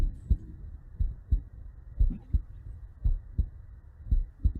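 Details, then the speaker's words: Regular paired lub-dub heart sounds at about 58 beats a minute, played as a teaching example of a normal heart sound in normal sinus rhythm. "is the normal sinus uh there is the normal heart sound uh see whether you are here you can just test that whether your your heart is beating like that as well"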